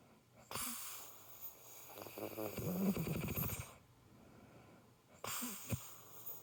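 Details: Heavy rattling snore from a sleeping adult woman (wife), with a fluttering vibration through the breath between quieter moments; snoring.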